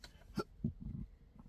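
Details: Two sharp, abrupt hiccups with a short voiced catch and low throat noise, in chronic intractable hiccups unresponsive to known treatments, which began December 9, 2015 after a bad surgery outcome and now occur daily.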